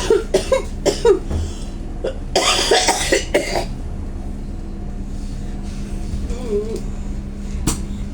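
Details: Coughing fit on a bus ride from a tickle in the throat: repeated dry coughs in quick bursts over steady bus engine rumble.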